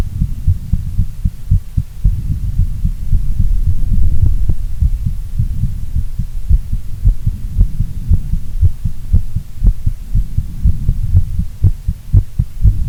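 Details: Female heartbeat, normal heart sounds: a steady low thumping heartbeat at roughly 115 beats a minute with a faint hum behind it.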